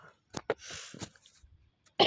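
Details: A child, coughing while playing a video game, gives a few short, sharp cough bursts with a breathy rush between them.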